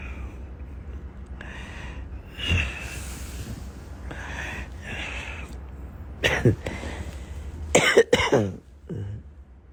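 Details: Several harsh coughs with throat clearing over a low room hum from a person with flu who has just taken Theraflu cough medicine and is about to sleep; the person also reports bleeding teeth.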